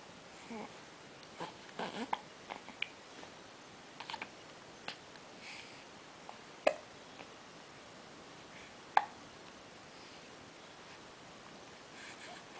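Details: Infant about 2½ months old: soft, brief, sharp catches recurring irregularly, about two dozen a minute, in a quiet room; hiccups.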